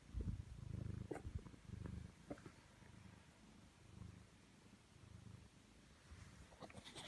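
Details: A pet cat fast asleep on a bed snoring: soft, low rumbling bursts that rise and fall with the breath, with faint rustling in the background.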